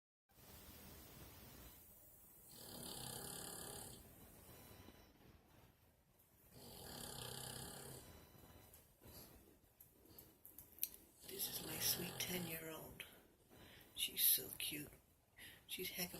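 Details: Female sleeper snoring in her sleep: rhythmic rasping snores on each breath, about every four seconds, with quieter breathing and small noises between them.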